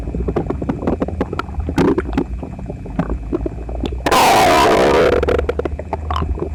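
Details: Loud borborygmi recorded with phone pressed to the belly after a breakfast of toast, eggs and milk; person visibly uncomfortable: close-up gurgles, pops, low rumbling, then a loud, drawn-out falling growl about a second long.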